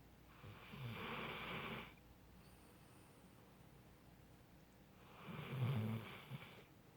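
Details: A sleeping dog snoring: two slow, rumbling snores with quiet pauses between them.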